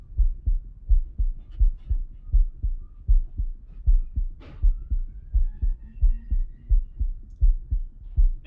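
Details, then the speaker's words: Real-time heart sounds through a digital stethoscope in a telehealth product demo: regular low thumps at about 82 beats a minute. "so if we go to the next slide here you'll actually see the real-time heart sounds and lung sounds and ecg's that a telehealth provider would experience on the receiving end of the telemedicine visit"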